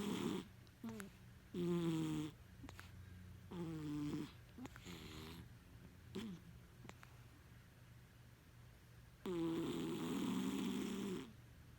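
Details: Very loud, rough, vibrating snores from a sleeping cat, some whistling and voice-like, coming in bursts with quiet gaps: snoring.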